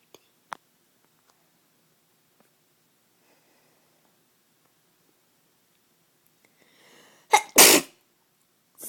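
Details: Quiet room, a brief in-breath, then a loud two-part sneeze with a sharp intake burst and a forceful explosive release; sneezing.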